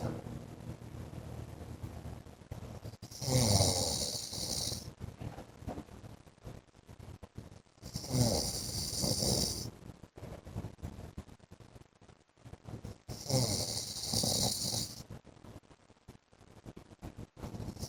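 Harsh snorting snores about 12 a minute, each with a hissing, whistling edge and an uneven rhythm, over light room noise: loud sleep snoring.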